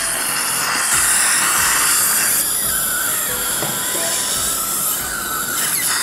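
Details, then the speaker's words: High-pitched steady whine with background music from a 3.2 mm drill preparing a 3.8 mm implant site, guided flapless All-on-4 on a maxilla model with a surgical guide: dental implant drill. "this is the three-point to drill for the implant three point eight and this is the three-point to key"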